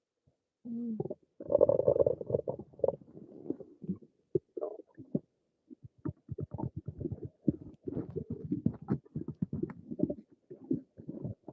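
Gurgling, bubbling abdominal rumbles in irregular bursts, ordinary bowel sounds from gas and fluid moving through the gut.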